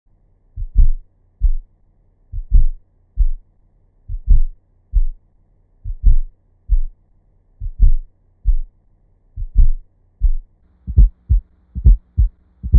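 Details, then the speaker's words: Simulated heart sounds, shown in slow motion then real time, with a soft extra thump in late diastole just before S1, best heard at the apex with the bell: S4 atrial gallop from non-compliant ventricles. "The S4 heart sound is heard best at the cardiac apex with the bell of the stethoscope. It is heard in late diastole and is often described as an atrial gallop rhythm."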